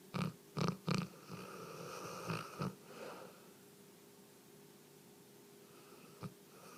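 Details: Three-year-old female Newfoundland dog asleep: loud, low snorting bursts on inhalation, then a quieter stretch with one more snort; dog snoring.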